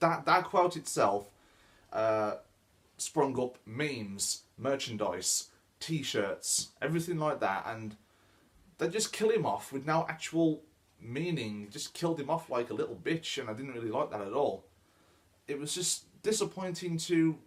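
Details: Adult man who says he stammers; stuttering.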